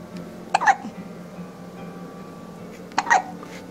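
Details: Two sharp, abrupt voiced catches about two and a half seconds apart over quiet room noise: hiccups.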